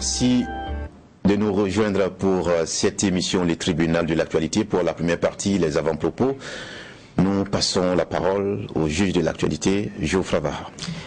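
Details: Adult male radio presenter; Normal speech.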